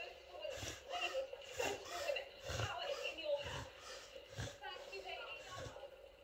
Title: Reverse sneezing in Irish Wolfhound puppy